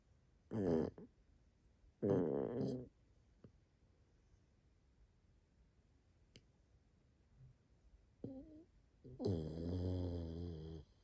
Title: I Don’t Snore